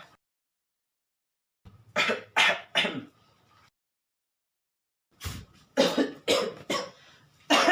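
Two bouts of imitated coughing, three then five short harsh coughs separated by silence; acted coughs rather than illness.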